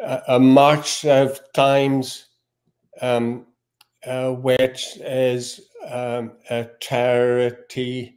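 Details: Male guest with aphasia; cause, type and onset not stated; aphasia.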